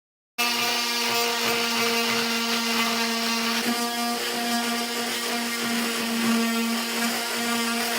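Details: Steady loud high-pitched motor whine with a buzzing edge, continuous throughout: an oscillating saw cutting off a patient's cast before stitch removal and recasting after surgery.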